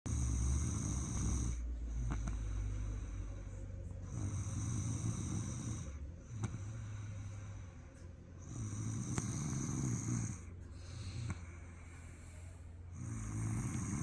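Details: Son snoring: low rumbling snores repeating with each breath over steady room noise, about four to five breath cycles heard; ordinary snoring.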